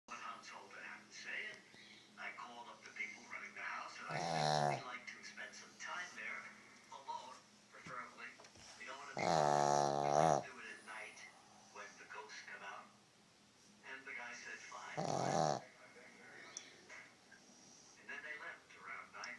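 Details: Pug napping: three loud, rattling snores a few seconds apart over quieter snuffly breathing from a small flat-faced dog; snoring.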